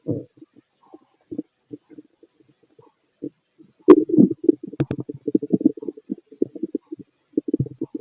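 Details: Fit adult male, stethoscope over the abdomen during digestion of pastry, chicken, curry, bread, milk, eggs and pasta: irregular soft gurgles and rumbles clustering into bursts, normal bowel sounds; heartbeat also recorded.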